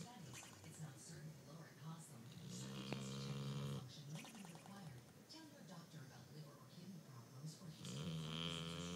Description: My dog Zoey knows how to sleep. This is just one example of her usual mid-sleep noises.